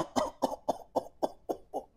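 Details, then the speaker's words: Seven rapid coughs in one unbroken bout: an adult imitating the prolonged paroxysmal cough of pertussis (whooping cough), hard to stop once started. "Di antaranya diaalah dia batuk yang berpanjangan. Sekali batuk tu susah nak berhenti."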